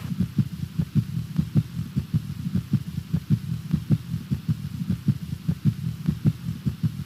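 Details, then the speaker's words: S3 gallop heard in a man with shortness of breath, jugular venous distention, edema and rales who suddenly worsened overnight while sleeping and feels better sitting up (orthopnea); extra diastolic heart sound after S1 and S2. "when you sit up and you feel better and this additional sound is heard and what is the sound that you're most likely and what causes it"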